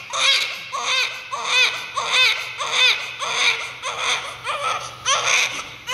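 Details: Rhythmic, strong crying of a newborn baby's first cry, about eight cries in six seconds with breaths between; vigorous newborn cry.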